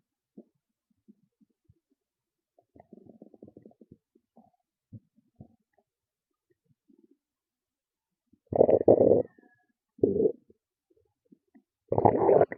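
Soft gurgles, then several loud, low, drawn-out stomach growls. These are ordinary bowel sounds.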